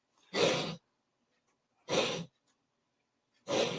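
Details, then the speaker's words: Yuki, a pet dog who has been sick, having a coughing attack; the owner suspects pneumonia, with good appetite and no diarrhea. Three harsh, forceful coughs about a second and a half apart in a quiet room. "uhoh uh oh hope you can't hear that but that's Yuki's having her coughing attack"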